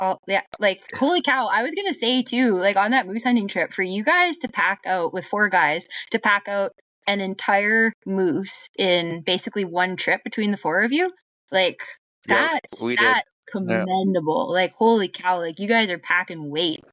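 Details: Adult woman; normal speech.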